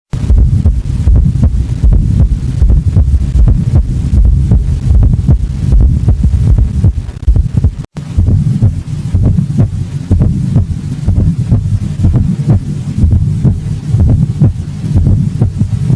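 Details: Low, regular heart sounds at about 77 a minute, with an extra soft beat just before the first heart sound; S4 gallop (atrial gallop) on cardiac auscultation.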